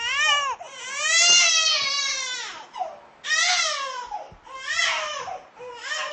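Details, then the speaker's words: Infant crying for over fifteen minutes: loud, sustained wails in long bursts with brief gasping pauses; crying stopped once the child recognized an environment resembling the womb. "então como podemos perceber é é a criança ela parou de chorar por causa que ela conseguiu identificar um ambiente parecido"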